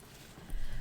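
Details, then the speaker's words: Brief, low snuffling rumble of a flat-faced Persian cat's congested, stuffy-nosed breathing close to the microphone: stertor. "So you can probably hear him breathing too. He's a flat-faced Persian and they get stuffy noses."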